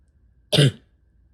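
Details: Self-recorded cough of a person with asthma, allergies and chronic bronchitis during a likely respiratory illness: a single deep, low, congested burst, a wet chesty cough.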